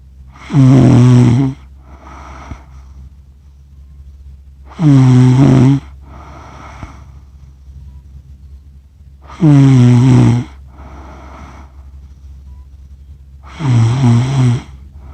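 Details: Adult snoring, recorded accidentally after falling asleep while filming cats; the person says they snore funny: loud rattling inspiratory snores with a softer sound on breathing out, about 14 breaths a minute; heavy snoring during sleep.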